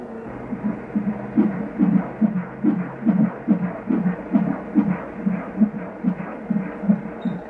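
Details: Rhythmic whooshing pulses over steady machine hum at a 30-week pregnancy 3D ultrasound, a male fetus's heartbeat; the beat count is uncertain against the noise.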